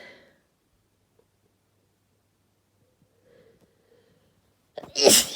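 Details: (F) Deliberately induced sneeze: near silence with faint breaths, then a sudden, loud, forceful burst.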